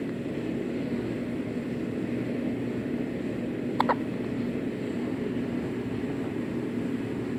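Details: Baby boy with hiccups: a single brief, sharp squeaky catch, likened to a rubber chicken, over a steady engine-like hum.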